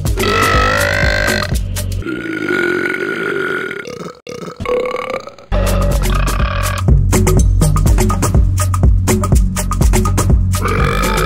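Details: Compiled comic burp sound effects: long, drawn-out belches over loud electronic music, with repeated croaking bursts, edited for comic effect.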